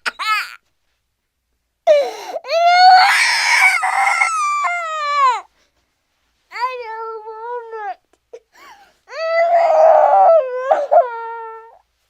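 Loud, high, wavering wails in repeated bursts with pauses between; a cartoon baby crying sound effect.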